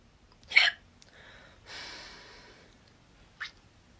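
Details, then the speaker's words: Woman with hiccups in a short cringe clip: a sharp, abrupt catch of breath, a soft breathy exhale, then another brief click-like hiccup. "I'm sorry about my hiccups by the way they are so annoying so embarrassing"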